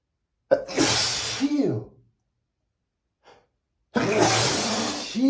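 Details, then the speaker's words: A male who says he is allergic to perfume, after spraying it right under his nose, gives two forceful sneezes separated by a pause with a faint sniff; repeated perfume-triggered sneezing. "Sometimes I get tired of sneezing so much. I guess I should try to avoid spraying perfume right under my nose."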